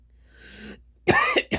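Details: A quiet intake of breath, then a loud voiced cough and a shorter second cough from an adult woman with breathing trouble, burning lungs and possible sleep apnea or small airway problems.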